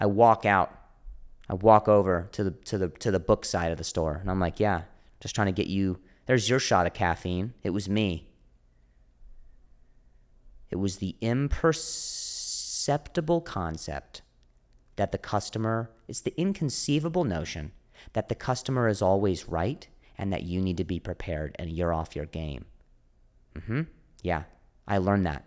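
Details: Adult male comedian who stutters (speech impediment), speaking on a podcast; repeated words; stuttering.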